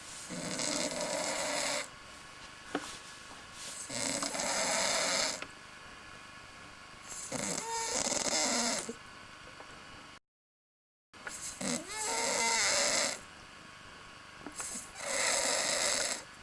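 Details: Snoring while sleeping after heavy drinking: loud, harsh rattling snores on each breath, roughly 17 a minute, with quieter pauses between; snoring.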